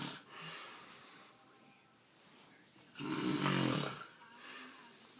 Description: Man is snoring uncontrollably. Enjoy :)